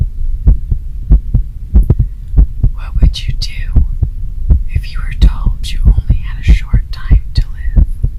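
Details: ASMR heartbeat recording: deep, regular thumping heartbeat at about 94 beats a minute, somewhat fast, with faint whispery sounds over it; rapid heartbeat.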